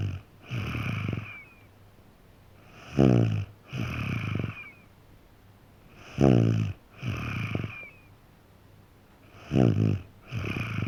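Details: 3.5-year-old boy snoring in sleep: about 18 breaths a minute, each a rattling, vibrating snore followed by a softer noisy breath.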